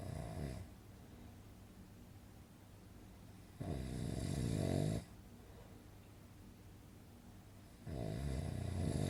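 Rough, rattling snores on each breath in, about every four seconds, with quiet breathing between.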